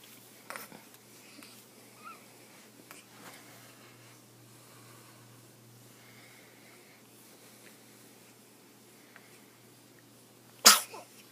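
After quiet breathing and small sounds, a single sharp, sudden sneeze from a baby.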